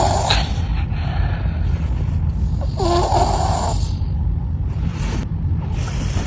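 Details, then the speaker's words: Example clip in a module on children's sleep-related breathing, to be imagined as a caregiver's video of something that happens most nights: loud rumbling snores with breathy gasps and sighs, a nighttime breathing pattern suggesting sleep-disordered breathing. "And in this video, this will show you an example of how nighttime breathing patterns can present."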